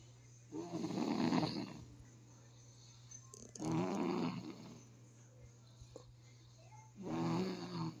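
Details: Snoring recorded July 17, 2023: three rough, fluttering snores on breaths in, about 20 a minute, over a steady low room hum.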